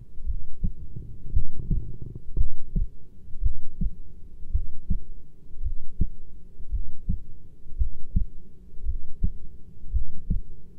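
Deep, steady heartbeat thumps at about 57 beats a minute, with a low hum in the background.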